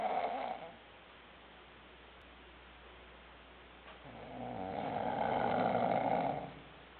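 Two loud, rough, rattling breaths a few seconds apart, with quiet room noise between them: snoring.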